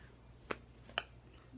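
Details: Two sudden, sharp click-like sounds half a second apart in a quiet room, fitting a simple vocal tic in a person who says he has Tourette syndrome.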